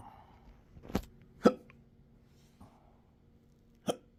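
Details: Adult with rare intractable hiccups, belching, choking spasms and developing achalasia since 2015, in 12-hour episodes: sharp abrupt gulping hiccups, three within about four seconds; hiccups.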